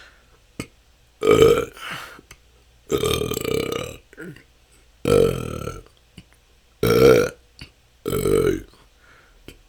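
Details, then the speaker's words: Self-recorded continuous 10-minute session of natural burping with a better microphone; belching is a years-long struggle with hours and hours of stored-up gas. Five loud, drawn-out burps in under ten seconds with short pauses: excessive belching (eructation). "that's 10 minutes this can go on for hours this has been my struggle for the last couple of years it seems like somehow didn't let out enough gas and have stored up so much that it just I have hours and hours of gas"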